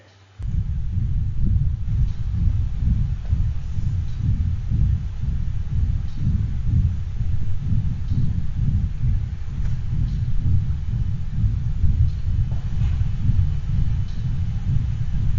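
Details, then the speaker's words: Dog with patent ductus arteriosus: a steady low rumbling murmur swelling with each beat and never falling silent, a continuous murmur. "and this next one is recorded from a dog that has pda"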